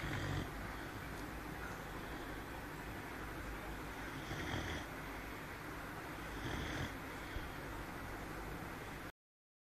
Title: Bruce snoring, Teenu's bro